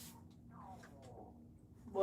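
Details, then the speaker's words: A quiet, squeaky gurgle sliding downward in pitch for about a second over low room hum: an adult's stomach growling (borborygmi) during a pottery livestream. "that was my stomach. Do you guys hear that?"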